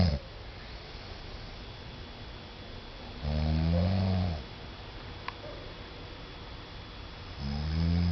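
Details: Adult man snoring while sleeping off jet lag after a trip to Taiwan: two long, low rattling snores on breathing in, separated by quiet breathing, faint room hum; snoring.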